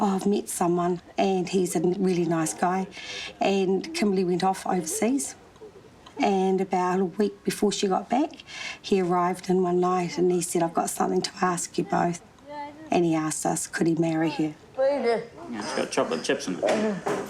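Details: Adult woman speaking, brief second voice at end; normal speech.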